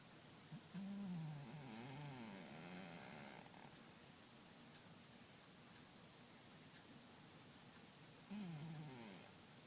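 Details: Cat snoring softly while asleep, low fluttering rumble on each breath separated by quiet pauses.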